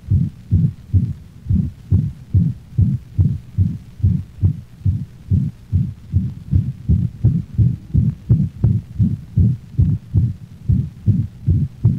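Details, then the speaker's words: Dog heart auscultation, mitral insufficiency: fast regular heartbeat near 150 a minute, holosystolic murmur so loud and prolonged that the second heart sound is obliterated, each beat one long whooshing sound. "listen to another recording of mitral insufficiency the holosystolic murmur is so loud and prolonged that the second heart sound is obliterated giving the impression of only one prolonged sound"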